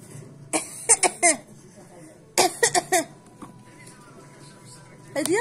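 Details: Child imitating a cough: two quick runs of three short, sharp cough bursts with quiet room noise between; imitated cough.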